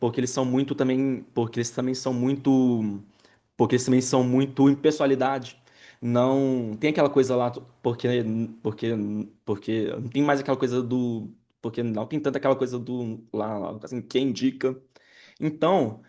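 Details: Adult man who stutters and has had speech therapy and psychotherapy since childhood, speaking with word and phrase repetitions; stuttering.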